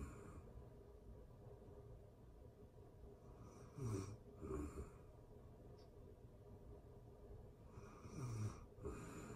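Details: Real-time recording of a person asleep: two soft snores with noisy in and out breaths over a quiet room, roughly 14 a minute; ordinary sleep snoring.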